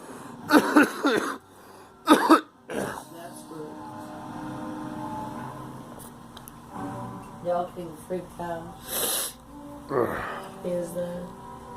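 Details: A few short coughing bursts from a girl over background music and talk; a plain cough.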